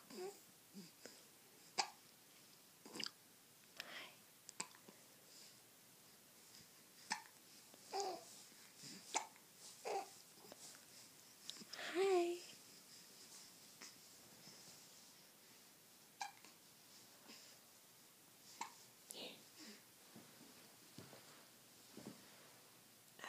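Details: Baby with hiccups: repeated brief, sharp breath catches at irregular intervals over about 23 seconds, with soft babbling between them; infant hiccups.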